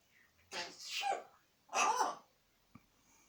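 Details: African Grey parrot sneezing repeatedly: two short, sharp hissing bursts about a second apart, then a faint click.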